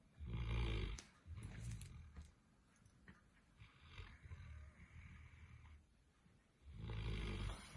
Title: Bentley is snoring like a man!